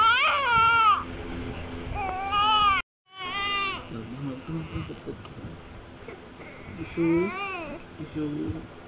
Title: Crying newborn Baby Child Sound Effect 2024 || Cute baby Video 2024